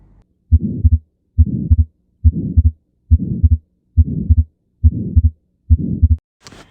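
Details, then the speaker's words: Regular heartbeat about 70 a minute with a rushing murmur filling the space between heart sounds; murmur heard by stethoscope during cardiac physical examination. "Murmur adalah bunyi yang dihasilkan oleh aliran darah yang berputar-putar pada ruang jantung."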